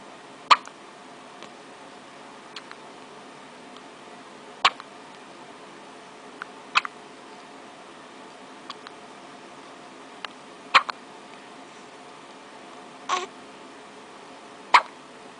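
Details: Baby girl: sharp, brief catch sounds recur at irregular intervals, about six in fifteen seconds, over quiet room noise; hiccups.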